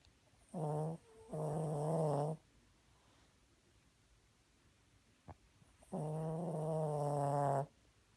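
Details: Snoring yet again: low, buzzing, fluttering snores in short bursts with quiet gaps between them.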